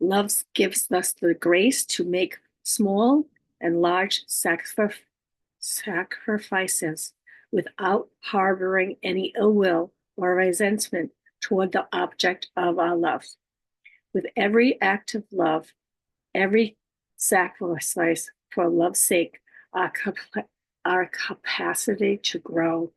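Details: Woman stroke survivor living with aphasia, apraxia of speech and dysarthria; aphasia.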